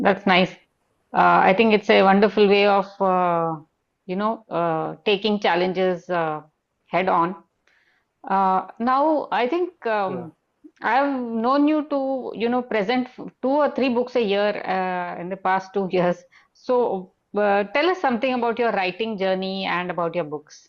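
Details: Adult woman speaking; typical speech.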